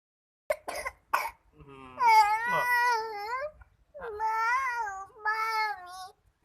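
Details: Three short coughs from a 20-month-old toddler with a cough and cold, followed by whiny crying vocalizing.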